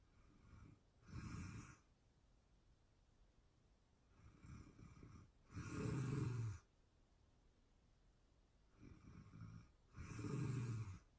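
Rhythmic snoring, about 14 breaths a minute, softer breathing sounds alternating with louder rattling snores.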